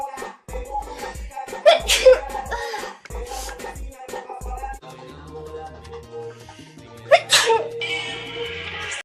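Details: Female sneeze, from a compilation of sneezes.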